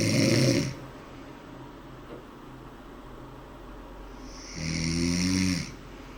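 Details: Snoring: two loud, rattling snores several seconds apart, with quiet breathing between them.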